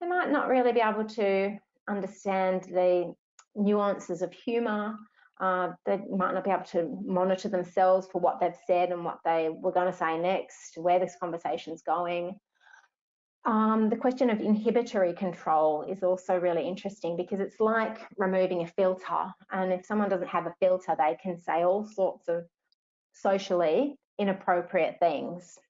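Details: Adult woman speaking; Normal speech.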